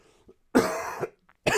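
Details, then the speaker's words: Adult coughing all day after a hard run that opened up the lungs, stated not to be COVID: one harsh, forceful cough burst with a short throat sound after it, then another cough starting. "god damn it i really hope this whole you know coughing thing ends overnight"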